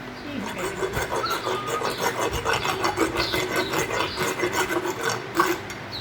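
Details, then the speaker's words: Horse (Tilly) held open with a speculum: repeated rough rasping strokes of a dental float filing the molars, a brief demonstration of routine equine dental floating. "so that's just a little demonstration of how we float the horses teeth and we'll go in depth in the future but we just kind of wanted to give you an idea what that was like"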